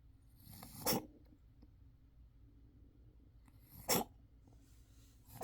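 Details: Kitten coughing inside a hideaway house: two short, sharp expulsive bursts about three seconds apart, a third starting at the end; a small cat's cough.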